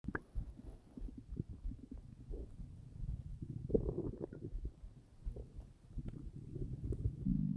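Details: Stomach growling (borborygmi) from hunger, recorded while lying on the side, half on top of the belly: low, continuous gurgling and churning rumbles rising and falling throughout.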